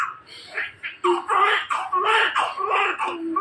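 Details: Baby girl newborn, described as big, just after normal vaginal delivery, strong repeated crying bursts with voices in the room; a vigorous, normal first cry.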